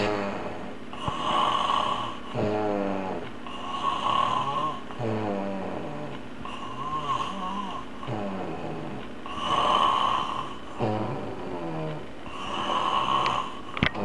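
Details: Adult man snoring rhythmically on each breath with a buzzing, tonal quality, loud enough to prevent sleep without ear plugs; steady background hum; snoring.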